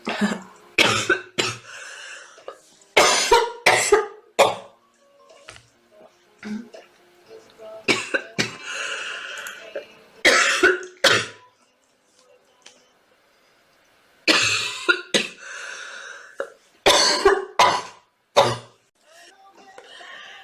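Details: Girl coughing: repeated bursts of coughing in short clusters, with quiet gaps between them and faint background sound; an ordinary cough.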